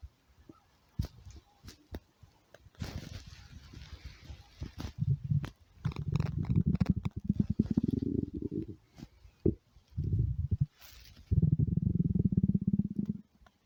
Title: stomach growling 20